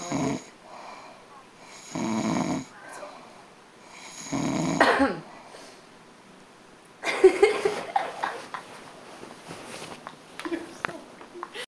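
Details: Three rough, rattling snores about every two seconds, then quieter noisy breathing during sleep; ordinary snoring.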